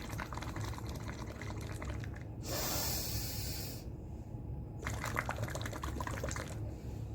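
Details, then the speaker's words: Gurgling, bubbling water sounds with breaths between, as a physiotherapist demonstrates a post-COVID breathing exercise: deep inhale through the nose, then blowing out completely through a straw into a glass of water. "First, make bubbles, blow out. Inhale, blow out. Inhale, blow out. So you have to blow out completely by making bubbles."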